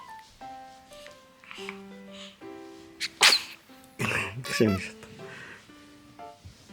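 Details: 2-month-old (85-day-old) baby boy, relaxed after crying and just breastfed, gives one big sneeze and then starts yawning.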